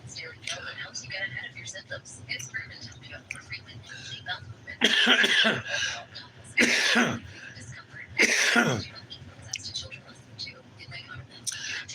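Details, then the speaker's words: Adult man coughs on picking up a cigarette during his morning coffee and smoke: three loud, harsh coughs and throat clears against quiet room noise. "I just picked the smoke up, started coughing."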